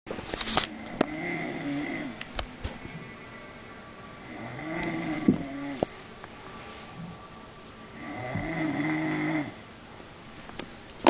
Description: I chinese boy in his sleep. I keep asking myself how he can sleep in all that noice! :-D